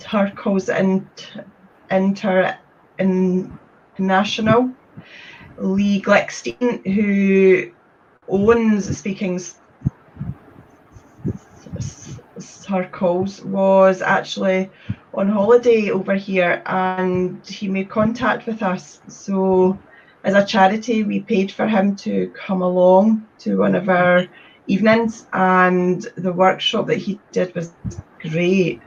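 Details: Adult woman from Scotland with a stammer since age three, describing getting blocked when speaking; stuttering.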